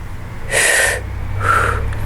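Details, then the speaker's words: Vocal imitation of normal vesicular breath sounds, heard all over the lung fields: a longer soft in-breath with the full inspiration, then a shorter, fainter out-breath of only one-third of expiration. "now facular breath sounds are heard all over the lung fields and they characterized by you being able to hear the full inspiration and only onethird of expiration so it kind of sounds like"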